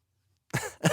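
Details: Man who says he is sick, during a podcast recording: after a moment of silence, two short, rough cough bursts in quick succession; cough.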